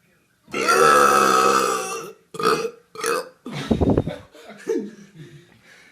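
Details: A person gives a long, loud, voiced burp followed by several shorter burps, with brief talk after; ordinary belching.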